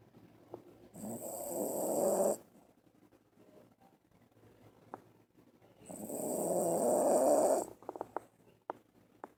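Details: Dog snoring while sleeping very deeply: two long, loud rattling snores with quiet pauses and small clicks between them.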